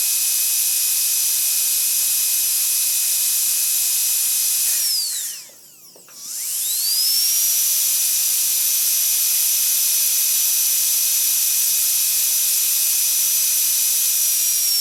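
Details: Dental drill sound effect: steady high-pitched whine that winds down, pauses briefly, then spins back up to full speed.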